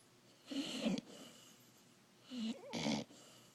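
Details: New puppy snoring: two rattling snore sounds about two seconds apart, the second with a brief whistling note.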